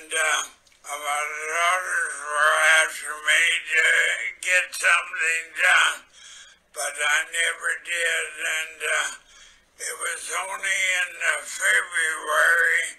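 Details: Spastic dysarthria due to an upper motor neuron lesion, first picked up at a physical exam. Treated with speech therapy, ENT care and tongue exercises.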